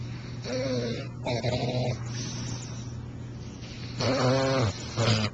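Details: Bulldog snoring: loud, honking, vibrating breaths with a steady background hum.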